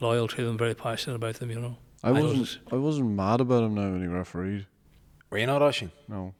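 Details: Adult men in conversation; normal speech.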